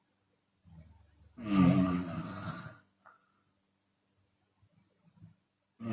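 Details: Chinese woman sleeping with open mouth, sometimes exhaling audibly: loud, rough, rattling snore on breathing in, followed by a softer breath out; open-mouth snoring.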